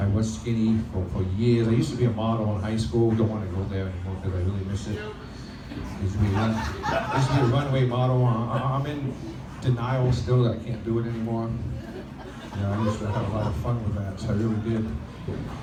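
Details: Stuttering in an adult male comedian performing live on a microphone; he has stuttered since childhood and had 15 years of speech therapy, and says it is milder on a microphone and worse when nervous, especially on vowel-initial words like 'I'.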